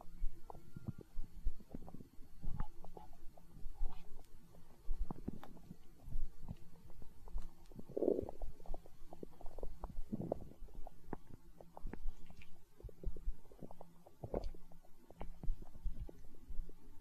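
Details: ASMR recording of a growling stomach tagged as hunger sounds: low gurgling and rumbling bowel sounds in irregular waves; stomach growling (borborygmi).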